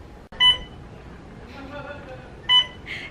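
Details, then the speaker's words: Two short, bright electronic beeps about two seconds apart over room noise, from a hospital inpatient's infusion pump, silenced while waiting for staff to change the infusion bag; infusion pump alarm. "think I'd be used to this noise I know but what I can do silenced it until they get here to change over the infusion bag"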